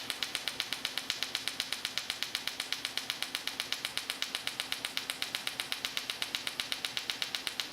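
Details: Erbium laser pulsing on a Sciton erbium laser during facial laser resurfacing of a 58-year-old woman under IV twilight sedation, after CO2 laser: fast, very regular sharp ticking at about four pulses per second.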